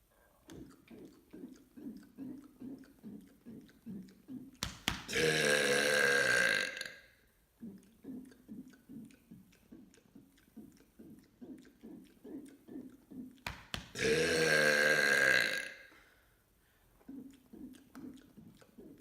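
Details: Voluntary "mega burp" from a deliberate burping series: two long, loud, voiced belches of about two seconds each, with quieter rhythmic swallowing or gulping sounds between them.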